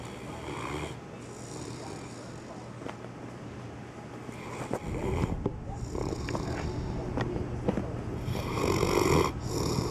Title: Dog Snoring